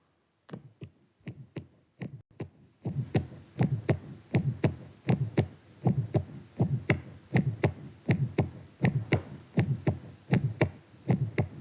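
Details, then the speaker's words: Pediatric Still's (innocent) murmur: regular heartbeat near 80 a minute with a soft, short, non-radiating early systolic ejection murmur, grade 1–2/6, vibratory or musical, at the left lower sternal border. "this mmur is very benign it is non-radiating early systolic ejection mmur a low intensity between 1 to 2 over six short duration located at the left lower external border vibratory or musical quality"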